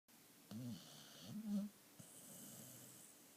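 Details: Snoring while running and eating in her sleep: two short, low, fluttering breath sounds in a quiet room; soft snoring.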